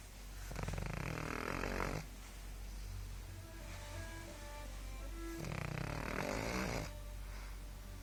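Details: Sleeping pug dog: two long, rough, rattling breaths drawn in about five seconds apart, music in background; snoring.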